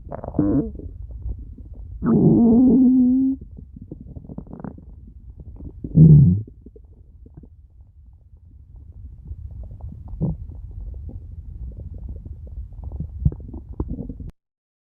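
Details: Low gurgling rumbles and a few louder groaning bursts from an adult's stomach: ordinary stomach growling (borborygmi).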